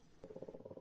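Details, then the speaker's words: Dog snoring in the background during a live stream: brief, low fluttering rattle of rapid vibrating pulses. "What's that noise? Is someone like Rossi's snoring? dog. That's Rossi's dog snoring."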